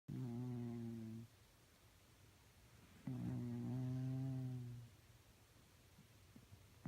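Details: A sleeping cat snores: two long, low, buzzing tonal snores, each lasting over a second, with quiet pauses between.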